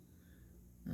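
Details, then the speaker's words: Someone sleeping in the room snores in the background while an adult talks: snoring. "And again, my pumpkin is sleeping in the room. Okay, so you may hear the snoring still."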